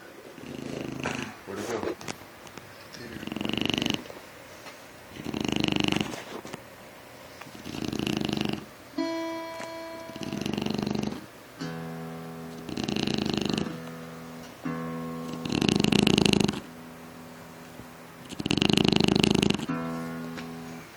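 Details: Blue Shar Pei dog sleeping with loud rhythmic snoring, about eight breaths in twenty seconds, faint background music; snoring.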